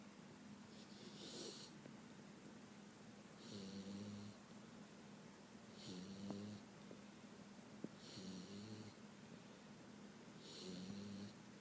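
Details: A 5-month-old Boxer puppy sleeping after the dog park, with soft, regular snoring: low rumbling with faint hissing on each breath, about 26 breaths a minute, over steady room noise.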